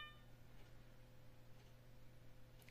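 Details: Mindray T5 patient monitor with a power-off fault under repair, shutting itself off: a single brief electronic beep over low room hum.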